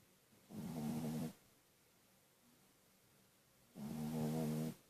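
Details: Sleeping dog snoring: two rough, rattling snores on breathing in, separated by a few seconds of quiet.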